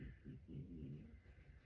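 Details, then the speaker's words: Sleeping dog snoring with low, rumbling, rhythmic breathing in a quiet room. "Sherman's in here I'm sure you can hear him snoring away"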